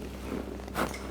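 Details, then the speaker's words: Patient lying on a table during chiropractic manual therapy, manipulation held at the most problematic shoulder: a single brief crunchy pop over a steady low hum, joint cavitation said to come more from the ribs than the shoulder. "そうです。肩が鳴った音が聞こえましたか？はい。実際には、肩よりも肋骨の方が多いです。"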